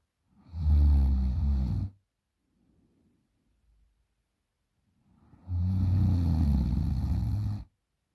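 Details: 20-year-old girl snoring loudly in sleep: two long, loud, rattling inspiratory snores separated by quiet pauses; heavy snoring.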